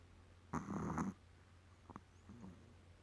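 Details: Sound of a puppy named Silva snoring, owner says it snores like a person.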